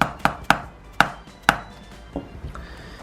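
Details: Sharp, repeated chiropractic adjusting-mallet strikes on the spine, about two per second, then softer taps; percussion from T12 to L3 after relaxing the surrounding muscles, checking left-right and vertebral spacing, as treatment for degenerative knee arthritis.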